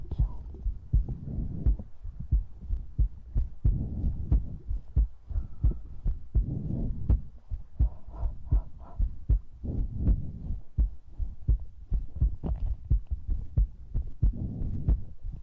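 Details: ASMR close-up recording: steady soft low thumps at about 90 a minute with faint breathing in the background; heartbeat.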